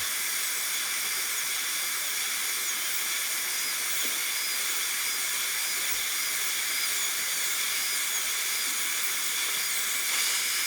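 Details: High-speed dental handpiece with suction in a simulation lab, cutting the lingual groove, mesiolingual area and triangular ridges on typodont tooth #18 for a gold onlay preparation: a steady high-pitched whine and hiss.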